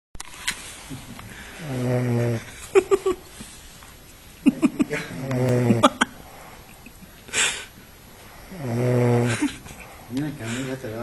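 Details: Drunk man passed out at a party snoring loudly; rough snoring with fluttering, snorting inhalations and irregular breathing, clicks and room noise between snores. Snoring.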